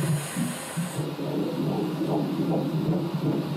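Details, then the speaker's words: Fetal heartbeat on ultrasound Doppler during a pregnancy scan, fast rhythmic whooshing pulses about 150 beats a minute, heard as the heart is seen beating; mother had a previous stillbirth; the baby is a girl. "Entendre le cœur du bébé, ça peut paraître anodin. Mais pour Anne-Sophie et Steven, ce simple battement relève du miracle."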